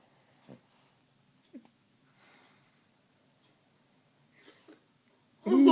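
Soft, brief wheezy snorts about a second apart in a quiet room, then a louder noise at the end; a small dog snoring.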